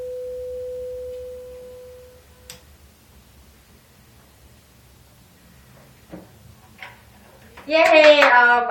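A pure steady tone fading over about two seconds, then quiet with small knocks and a voice: a tuning fork used in a hearing test.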